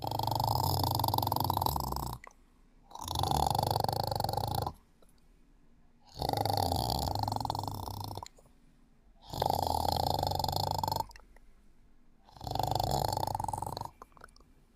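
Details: Five loud, long, rumbling snores during sleep with short quiet gaps between, about 20 breaths a minute; steady snoring.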